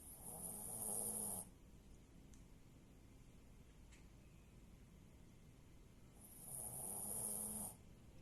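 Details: Snoring in sleep after a family sleepover: two long, rough, rattling snores about six seconds apart, with quiet breathing between.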